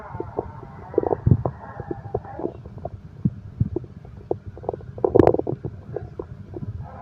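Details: Gurgling, bubbling stomach-growl rumbles with short pops over a low steady background, from a heartbeat-and-stomach-growl relaxation recording: ordinary bowel sounds.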